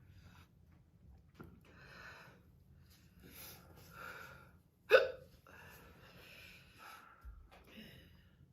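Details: Hiccups in a girl after eating very hot pepper powder during a spicy food challenge: one sharp hiccup amid soft breathing and faint voices, a sudden involuntary catch of breath.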